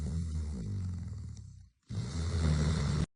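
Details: A sleeping pet dog snoring loudly, with a deep, low-pitched rattling snore on each breath and a short pause between.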